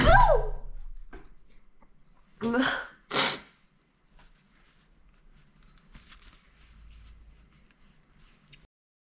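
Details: Big, wet, messy sneezes brought on by tickling the nose: a loud burst followed by two explosive sneezes, then quiet room noise.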